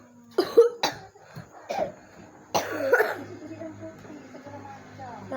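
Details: Four short, harsh coughs in a smoky house, quiet room, then faint voices and background sound; cough.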